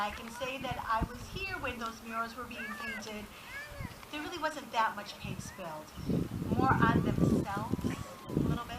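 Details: Adult speaker at a podium; normal voice.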